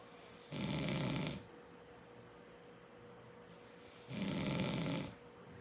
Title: Snoring Coyote Brothers